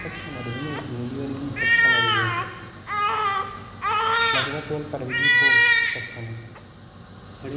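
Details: Repeated strong, high-pitched cries in bursts from a newborn just born, after vernix cleaning, with faint music and room noise; a vigorous normal newborn cry.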